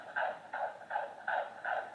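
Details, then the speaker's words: Fetal heartbeat heard through a monitor; rapid, regular whooshing pulses at about 160 per minute. "you might be able to hear the heartbeat a bit better now"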